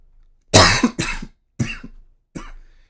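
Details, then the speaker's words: Adult recovering from a recent illness, with only a lingering cough left: a short run of four harsh coughs in quick succession; post-viral cough. "Sorry, I'm still coughing. By the way, I'm kind of still recovering from um [cough] from being sick and everything. It's really just the cough at this point."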